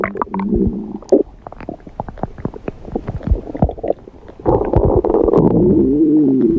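Gurgling, rumbling stomach growls with sharp clicks and a longer low rolling rumble at the end; ordinary digestive noise.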